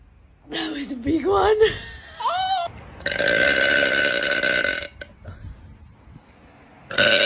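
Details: Female deliberately burping: drawn-out voiced belches with a long sustained rumbling burp in the middle; air escaping the stomach.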